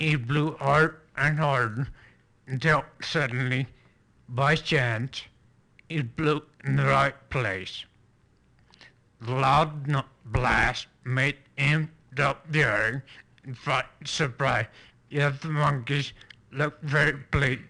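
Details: Female patient reading a passage aloud during a neurologic exam, with flaccid (lower motor neuron) dysarthria from a lower motor neuron lesion.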